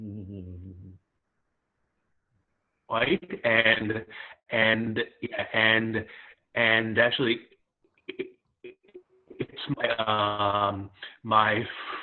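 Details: Real stuttering in a 27-year-old who self-identifies as a person who stutters.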